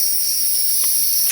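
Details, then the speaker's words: Nebulizer treatment for a short-of-breath inpatient, flow meter at 7–8 L/min, mist through a face mask while the patient breathes normally: steady loud hiss of the running nebulizer. "you will then just turn the flow meter up to seven or eight liters a minute you may not be able to see it but hopefully it shows up on the video you can see the nebulizer coming out of the of the mask"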